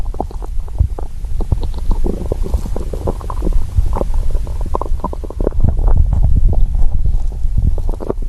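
Continuous deep rumbling and gurgling from the belly with a low steady background, ordinary stomach growling of hunger.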